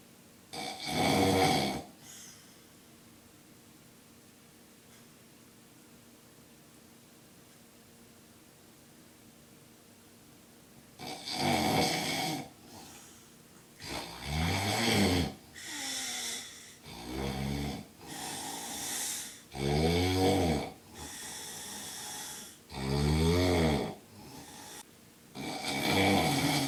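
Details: Adult man sleeping in public at a capsule hotel, snoring very loudly: rattling snores in irregular bursts after a long quiet pause.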